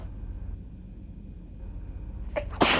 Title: Short sneezing fit (with gf blessing me!!)